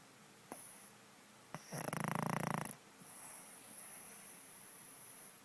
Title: Snoring Pug